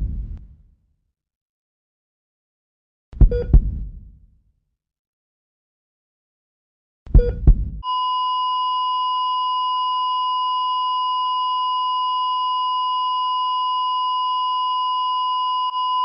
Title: EKG flatline